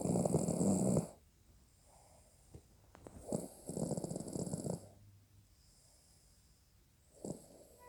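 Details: Person snoring during sleep: loud rattling snores on breathing in, separated by quiet pauses, with soft snorts between.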